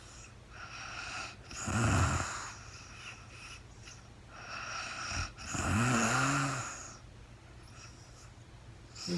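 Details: Real-time recording of a woman sleeping overnight after being very tired, no talking: two loud, low, rattling snores on breathing in, about fifteen breaths a minute, with quiet breathing between. Snoring.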